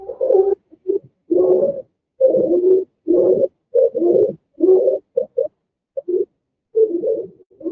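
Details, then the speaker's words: Repeated harsh, high-pitched, crowing noises with each breath, shown as an example of upper airway obstruction in an EMT airway lecture: stridor. "There's your strider. And if you ever walk into a house and hear that from the door, your holster should go because that is not a good sound."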